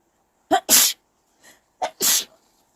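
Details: Two sneezes in a young Taiwanese woman, each a short in-breath then a sharp burst, induced by a deep nasal swab after head tilted back; itchy nose, runny nose and tearing follow; normal sneeze reflex.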